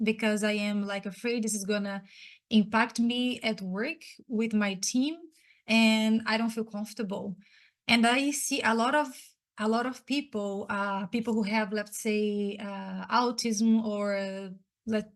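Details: Adult woman who says she is a person who stutters and was especially impacted as a child and teenager: stuttering.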